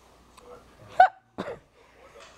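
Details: Two sudden, short voiced gulps about half a second apart in a quiet room, from a little girl who gets hiccups often: hiccups.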